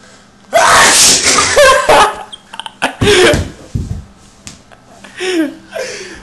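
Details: Explosive sneeze apparently triggered on cue by a joke "sneeze button" prank, followed by gasps, laughter and chatter in a small room; a sneeze.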